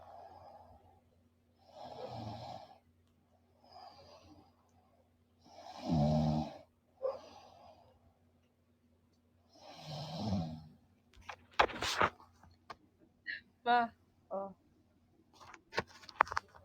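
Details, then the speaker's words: Slow, rhythmic noisy breaths of a deeply sleeping person, described as tired, some breaths with a low rattling snore, over a steady hum; ordinary snoring. "Humihilik. Pakinggan mo. Talaga, iba pa rin yung na, na nga yung tao. Nahimbing na ng tulog, ipaparinig mo pa. Mahimbing ang tulog mo."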